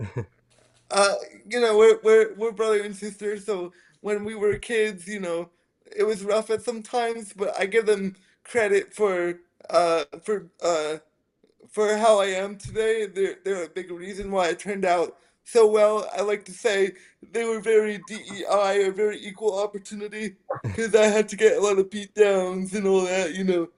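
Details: Dysarthria in a 27-year-old man with spastic quadriplegic cerebral palsy from a brain injury at premature birth (born three months early as a triplet), affecting his motor function, balance and speech.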